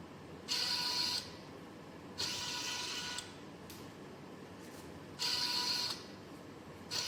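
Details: Student-built Arduino/ESP32-controlled electric ventilator developed for COVID-19: repeating whirring motor bursts every two to three seconds, with pauses between, as the ventilator cycles.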